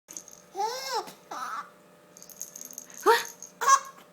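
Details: 4-month-old baby squeals and laughs, interrupted by brief sharp catches of breath: hiccups during laughter.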